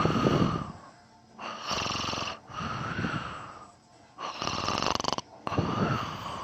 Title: Me snoring and sleep talking